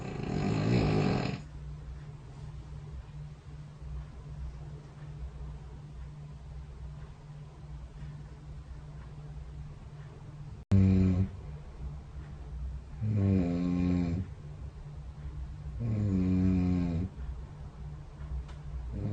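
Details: Snoring recorded overnight by a phone snore-tracking app beside the bed during sleep: low, buzzing snores with a fluttering rattle, repeating every few seconds over room hiss.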